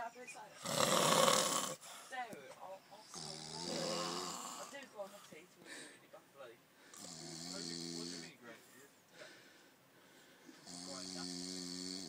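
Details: Two men snoring during sleep after drinking wine: repeated rough breathing, buzzing inward snores alternating with airy outward breaths, with others laughing in the background.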